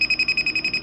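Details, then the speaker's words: Neatcell Picosecond laser pen fired during a third at-home tattoo-removal session, described as experimental and not recommended, passed back and forth over the area: rapid, regular, high-pitched beeping pulses, about ten a second; laser pen firing. "Let's see, here we go, here's the button. Yeah, it makes a lot of noise."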